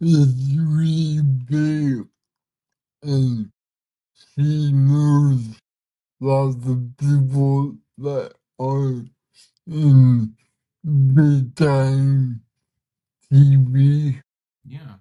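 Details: Man of about 32 with cerebral palsy whose body resists him, making communication hard at times; listeners found him hard to understand at first; dysarthria (cerebral palsy).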